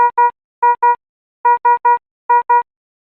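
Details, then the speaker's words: Repeating short electronic beeps in groups of two and three: alternative Philips Efficia DFM100 high-priority alarm, red background, for life-threatening conditions such as asystole or ventricular fibrillation needing immediate response. "a high priority alarm warns of a life-threatening condition such as a systole or ventricular fibrillation and requires an immediate response the alarm message displays with a red background and sounds like this or this"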